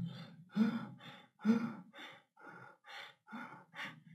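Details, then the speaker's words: Imitated Kussmaul breathing of diabetic ketoacidosis: deep, rapid, labored breaths in steady succession, hyperventilating to blow off CO2 and compensate for low blood pH. "começa a hiperventilar para mandar mais CO2 embora porque o CO2 é ácido nem vá consertar ácido por causa do diabetes ele faz uma cetoacidose diabética abaixou o PH do sangue"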